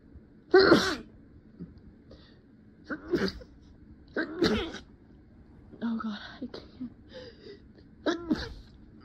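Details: Acted, not real: five sharp, partly stifled sneezes in quick succession in a quiet room, performed as someone hiding and muffling sneezes with a dusty rag that tickles the nose.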